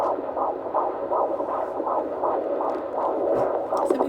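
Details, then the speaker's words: Fetal heartbeat on Doppler at about 15 weeks of pregnancy, the first time it was heard: rapid, regular whooshing pulses at about 160 a minute, a galloping, techno-like rhythm, much faster than the mother's heartbeat. "it sounded like horses galloping it kind of like as a doctor said like a techno beat she had some people use as the ring tongue it was just like really really fast"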